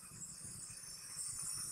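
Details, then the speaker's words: Steady airflow hiss with a faint rattling hum from a CPAP mask (adult large) with an in-line nebulizer run off oxygen to make mist, giving nebulizer and CPAP at once to a patient who is lying down and wants to sit upright. "When you hook it into the oxygen and you crank it up, you get the mist. Patient's able to breathe. So I have my patient on the nebulizer and CPAP at the same time."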